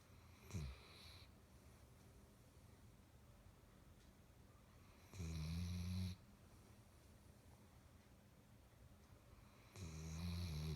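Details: Sleeping Basset hound: deep, rumbling inspiratory snores, about three over ten seconds, separated by quiet breathing; dog snoring.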